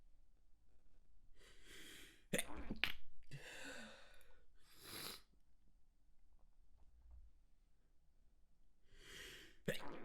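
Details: Manually induced stifled sneezes: several sharp, muffled sneeze bursts held back with a closed mouth, some with a quick breath drawn in first, in a quiet room.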